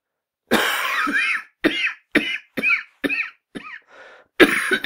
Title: SFX - SOUND EFFECT: WHEEZING COUGH - KEUCHENDDER HUSTEN